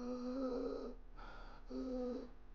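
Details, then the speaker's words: Pediatrician imitating the croup (laryngotracheobronchitis) cough of a toddler: two hoarse, voiced barking coughs; children typically wake from a nap with shortness of breath and this barky cough. "parents will come in and say my child took a nap and when they woke up they had shortness of breath and they couldn't breathe and they had this horse barky cough and I'll demonstrate it for you"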